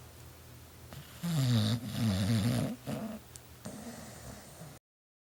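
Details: Low, rumbling, fluttering snores over steady room noise: ordinary snoring.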